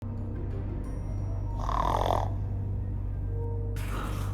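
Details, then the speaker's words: Loud, rumbling snore with a steady low hum over a music bed, from an Indonesian TV drama scene; a woman character snores heavily, others suggest exhaustion while the title blames a curse; snoring. "Suara siapa tuh? Enggak tahu. Kayaknya di kecapekan banget deh sampai suara ngoroknya gede banget kayak gitu."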